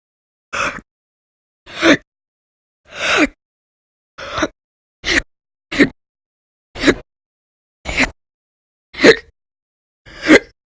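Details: Audio-only recording of persistent hiccups described as violent and loud, in a January 2020 series after bouts lasting many hours a day in late December 2019: ten sharp, abrupt hiccups in about ten seconds, roughly 48 a minute.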